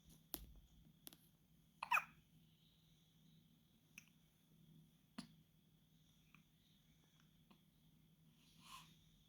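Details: A few-days-old newborn baby: soft, sharp hiccup clicks spaced a second or more apart in a quiet room; hiccups.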